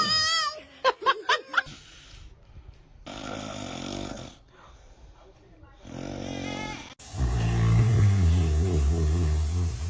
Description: Baby's reaction when he heard dad snoring.